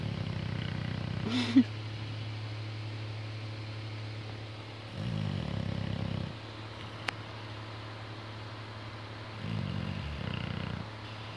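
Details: Biggie snoring: low, rumbling snores recurring about every four to five seconds over a steady background hum.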